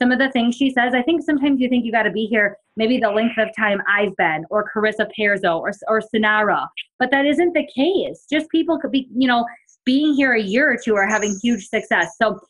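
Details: Adult woman speaking; normal speech.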